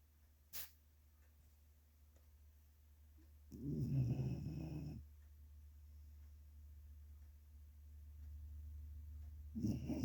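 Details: Dog (Sadie) snoring as loud as grown men: loud rough snore over a second long against steady room hum, another starting at the end.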